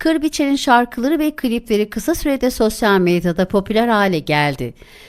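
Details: Adult woman, narrator; Normal speech.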